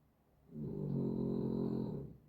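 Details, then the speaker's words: Sleeping dog on a hot day: a single drawn-out, low rattling snore lasting about a second and a half in a quiet room; snoring. "Bonne nuit Luna. Luna qui ronfle, vous l'entendez je pense dans la vidéo."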